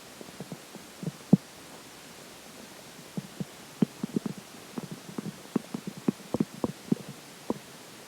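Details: Stomach growling during digestion after pizza for breakfast and McDonald's for lunch: frequent short gurgles and clicks over a steady hiss; ordinary bowel sounds.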